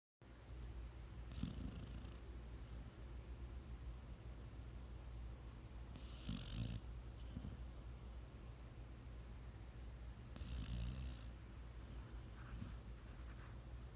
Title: Sweet Shine Has the Sweetest Snores